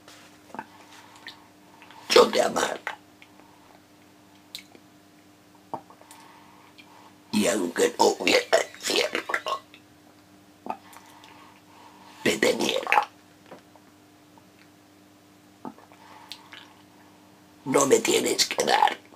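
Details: Spanish sonnet recited as an esophageal voice exercise, showing esophageal voice.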